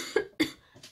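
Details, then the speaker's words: Two short, sharp coughs from an adult woman who says she is very ill, followed by a faint breath. "je suis très malade, donc il se peut que durant cette vidéo je tousse, j'ai la voix qui faiblit, j'éternue, enfin voilà, vous savez un petit peu ce qu'on fait quand on est malade."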